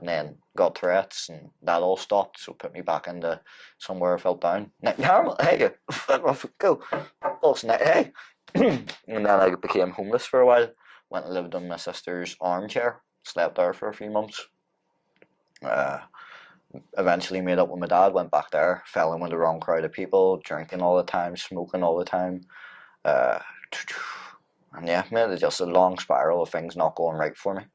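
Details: Man with Tourette syndrome whose tics flare up during everyday tasks and who says MMA training has helped them; an apparent swearing vocal tic interrupts his speech; vocal tics (Tourette syndrome).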